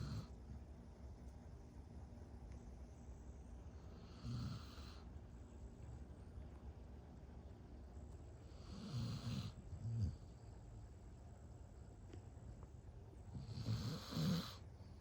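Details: Dog snoring loudly while asleep: low rumbling snores recurring about every five seconds over a steady background hum.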